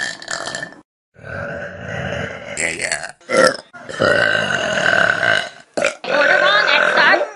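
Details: Compilation of Vine clips: several long, loud, croaking belches with brief pauses between them; burping.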